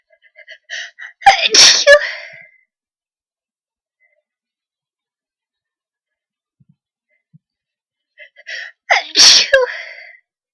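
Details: Sneezing set off by sneezing powder: two loud sneezes about seven seconds apart, each preceded by quick catching breaths in, with silence between them.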